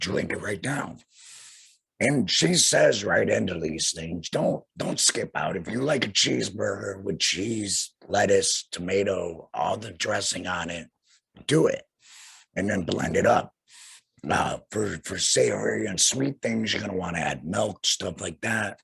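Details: Tracheoesophageal (alaryngeal) speech in an adult man about two years after laryngectomy for head and neck cancer, followed by radiation, speaking through a vibrating flanged voice prosthesis.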